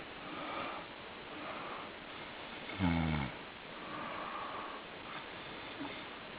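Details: Snoring during sleep while camping outdoors: quiet breathing against outdoor background noise, broken by one loud, rattling snore.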